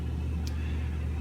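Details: Philips Respironics EverFlo home oxygen concentrator just switched on, flow adjustable 1–5 L/min: steady low hum with a brief faint hiss; normal operating sound.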